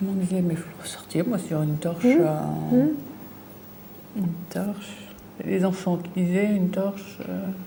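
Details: Woman with aphasia from a brain lesion, fluent speech with word substitutions and distorted words while searching for a word in picture description; fluent aphasia with word-finding difficulty.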